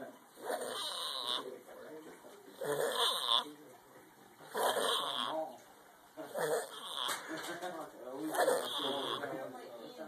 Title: Wtf...who snores like that!?!?!